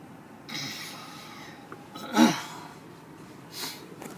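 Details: Sleeping person during an apnea episode, with a companion saying they are not breathing; quiet breathing broken by a sudden loud snort, then softer gasping breaths; sleep apnea snorting.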